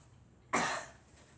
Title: Girl coughing